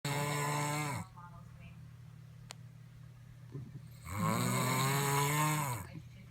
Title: Loud Snoring!!!